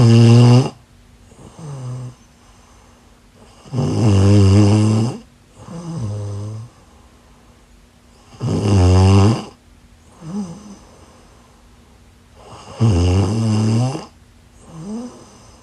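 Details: Snoring during sleep: loud, rattling snores on each in-breath with softer out-breaths, about 14 breaths a minute, with a faint steady tone behind.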